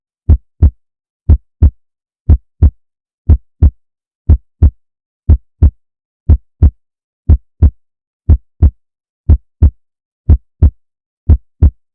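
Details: Steady paired lub-dub heartbeats at about 60 beats a minute, low and regular, with a quiet background, from a one-hour heartbeat sound for sleep and relaxation.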